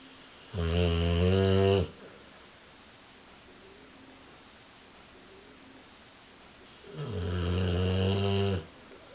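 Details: Sleeping American Bulldog: two loud, rough, drawn-out snores about six seconds apart over quiet room noise.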